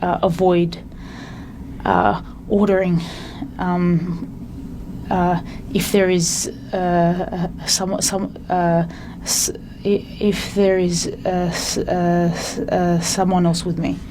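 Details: Stuttering in an adult, with frequent interjections and repetitions.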